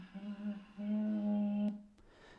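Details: Adult voice, sustained vowel; Breathy voice with aphonic segments.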